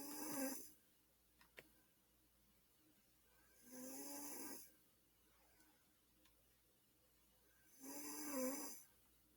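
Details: Three raspy inspiratory snores about 4 seconds apart, around 15 breaths a minute, with quiet pauses; a brother snoring in sleep.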